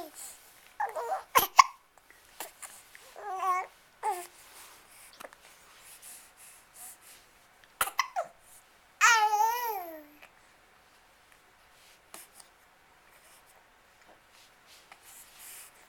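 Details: Infant smiling, babbling and cooing, with several brief, sharp, abrupt breathing catches in a quiet room: hiccups.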